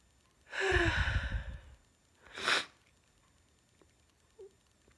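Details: Teasing sneeze brought on by a tickle: one long, forceful sneeze-like burst followed by a short sharp exhale.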